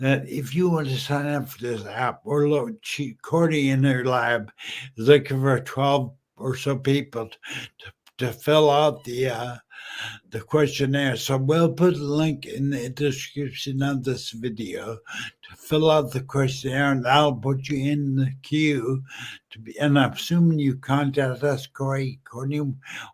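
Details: Adult male 14 years after a stroke from a brain aneurysm, initially totally mute, who still smashes words together and uses slowing down and over-articulating as strategies; dysarthria after stroke.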